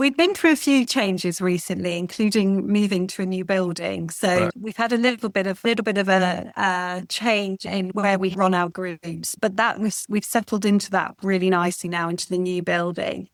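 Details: Adult woman speaking; Normal speech.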